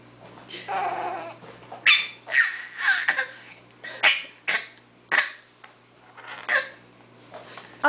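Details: A 5-month-old boy practicing a voluntary fake cough: a series of short, breathy, playful cough-like bursts.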